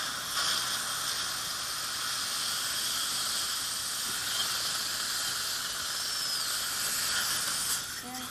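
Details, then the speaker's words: Ceramic one-piece dental implant surgery, upper right jaw at a healed sinus graft site: continuous high hiss and faint whine of the final 3.25 implant drill with water irrigation in the osteotomy. "now we just go to our last drill which is a teenage 325 and then we do a counter sick turn away please open wide just make sure it's powerful every time you take a drill in the osteotomy so you don't go others off"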